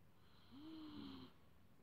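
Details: Dog snoring like a human while napping on its owner's chest; a single soft, low, droning snore over quiet room noise.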